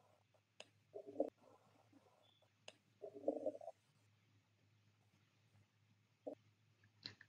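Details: Nursing teaching example: soft, brief abdominal gurgles separated by long quiet stretches, fewer than five per minute: hypoactive bowel sounds, with reduced gut activity.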